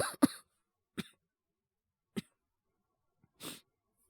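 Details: Male voice actor, sore itchy throat, acting in sick-situation voice drama; several short, dry, isolated coughs with pauses: cough.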